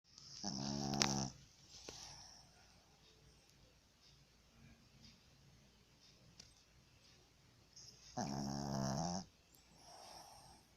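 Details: Sleeping dog snoring: two loud, buzzing snores on inhaling, each followed by a soft exhale.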